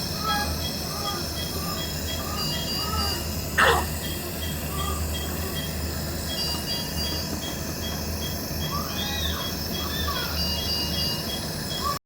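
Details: The steady mechanical hum and hiss of a nebulizer treating a newborn baby after suction, with faint high tones over it.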